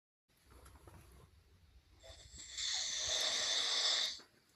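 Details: A person snoring during sleep: a quiet breath builds into one loud, harsh, hissing snore on the in-breath, then fades.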